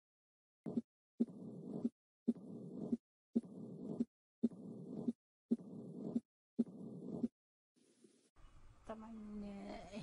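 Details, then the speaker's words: Mitral stenosis murmur in heart sounds teaching lecture: regular heartbeat about 56 per minute, each sharp sound followed by a long low rumbling murmur. "الان نستمع الى اليتر الى صوت اليتر ستينوس"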